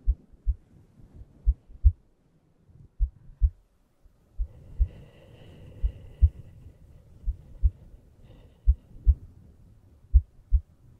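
Paired low thumps, lub-dub, at about 75 beats a minute, steady, with a soft hum behind; an ordinary heartbeat.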